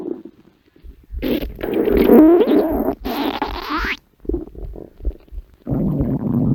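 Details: Long, loud gurgling and rumbling with bubbly, squeaky stretches from a woman's very empty stomach, over background music; ordinary stomach growling (borborygmi).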